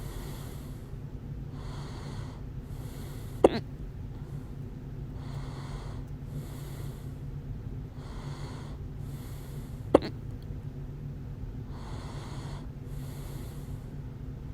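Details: Loud hiccups: two sharp, abrupt hiccup sounds about six seconds apart over steady background breathing and room hum.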